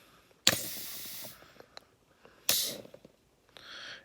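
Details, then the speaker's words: Arduino-controlled prototype ventilator compressing its bag at a faster speed setting: quick sharp bursts of hissing air with soft clicks; mechanical ventilator cycling fast. "if I open up the the speed control you can see that I am now compressing the bag much faster"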